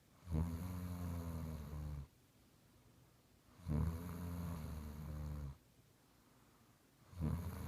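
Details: Loud, low, rattling snores on each inspiration, about three in under eight seconds, with quiet expiration between; snoring.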